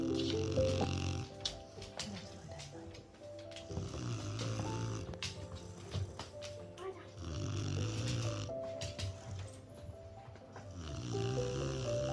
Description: snoring dog presa Canario snoring out loud as you can see not much has changed from 3 months to now Betty still snores / thanks for watching if you like the video please subscribe